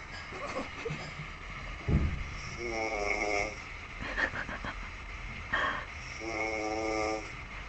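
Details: Snoring from a sleeping person: buzzing, fluttering sounds on slow breaths, roughly every three to four seconds, with background noise.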